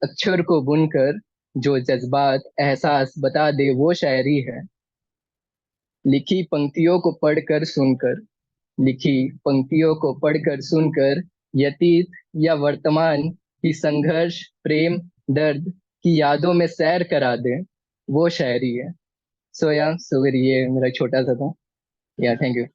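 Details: Stammering in a poet introducing himself at a stammering association's Mushaira, with word and phrase repetitions.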